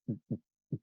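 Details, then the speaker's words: Normal heart sounds on stethoscope auscultation: two soft low thumps, lub (S1) then dub (S2), followed by the next lub; the sounds come from closure of the heart valves. "what is that sound so we're listening to the closure we're always listening to the closure of vowels"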